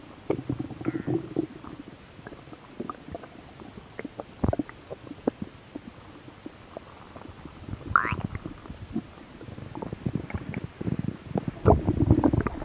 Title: Stomach growl. I was a little hungry.